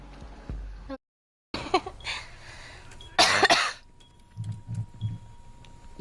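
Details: Girl with a very sore throat coughing while gaming online: a few harsh, dry throat-clearing coughs amid game sounds and background chatter.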